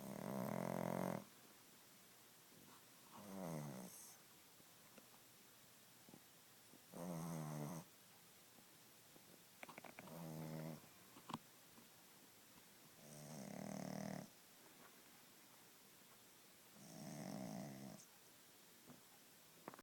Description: Rosie gets comfy on the couch and then starts snoring a lot.